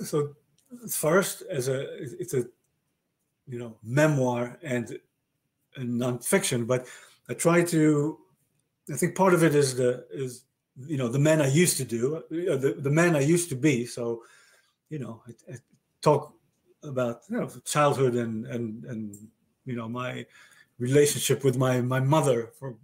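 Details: Adult male stroke survivor with aphasia since a stroke about 30 years earlier, in conversation with word repetitions, fillers and word-finding difficulty; aphasia.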